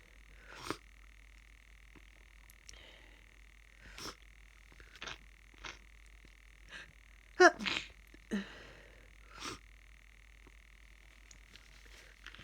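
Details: Sniffing and sneezing during a cold with a very snotty, bunged-up nose: repeated sniffs and several short sneeze bursts over steady room hum.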